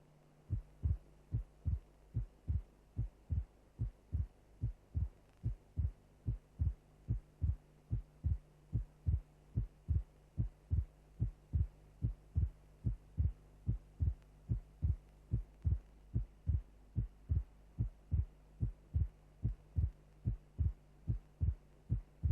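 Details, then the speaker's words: Auscultation teaching recording, steady heartbeat near 73 per minute; second sound heard as two close parts as aortic and pulmonary valves close non-simultaneously: split second heart sound. "the second sound is produced by closure of the aortic and of the pulmonary valves if the valves close simultaneously a single second sound will be heard if closure is not simultaneous two elements of the second sound will be heard separately that is the sound will be split"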